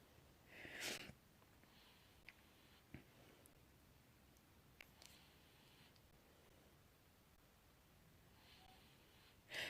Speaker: Everybody's snoring away. And if you hear that heavy breathing, that's my 3-year-old. He's knocked out in my lap here.